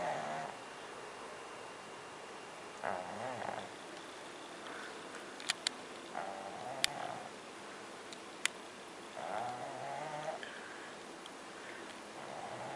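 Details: Sleeping pug snoring at the beach: repeated rattling, snorting snores with faint outdoor background noise and occasional clicks.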